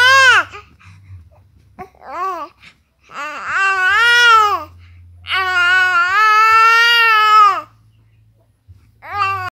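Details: Fussy baby crying in several rising and falling wails, the longest about two seconds, in a quiet room; infant crying.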